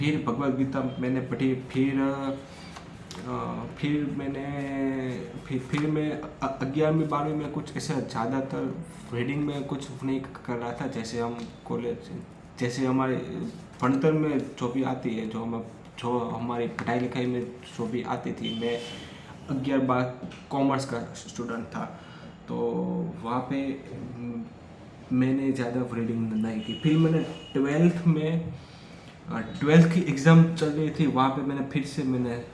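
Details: Adult male who stammers, speaking Hindi freely as continuous-speech practice on day 5 of a daily stammering practice routine; stuttering.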